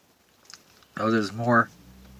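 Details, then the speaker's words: Adult sneeze induced by putting pepper up the nose, recorded in a car on an early May afternoon: a short faint intake, then a loud voiced burst with a falling 'hey'-like sound. "I'm sneezing enough anyways without putting pepper up my nose but I will Oh Oh God oh I have to sneeze hey hey hey hey"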